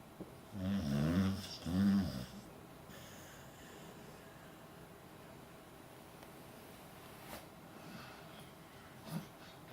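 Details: Two loud, fluttering snore-like breaths, then quiet breathing and faint room noise; a dog that newly started snoring, seemingly snoring and whining in his sleep.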